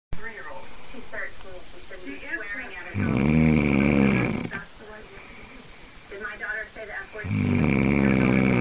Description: my bf snoring...loudly!!!